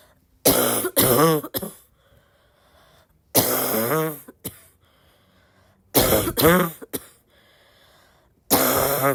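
Four harsh, barky cough bursts, each made of two or three forceful coughs with a hoarse, honking tone.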